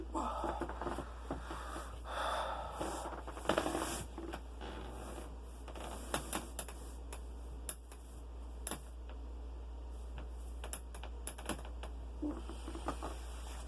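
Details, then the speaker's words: Rustling movement with several sharp pops and clicks: person self-cracking their own knuckles and joints, says pressure builds up quickly and they crack often; harmless joint cracking. "Okay, this is me cracking my own bones and knuckles. Let's go."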